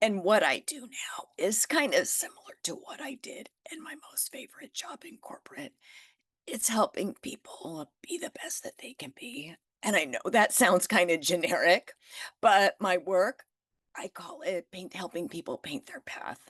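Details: Adult woman with spasmodic dysphonia that developed from stress after starting her business, still audible in her voice; working through it naturally and refusing Botox.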